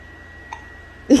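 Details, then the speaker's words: An infant gives a sharp, brief hiccup near the end, with a faint catch just before it; hiccups. "oh you got the hiccups uh oh no you get the hiccups are you okay are you okay"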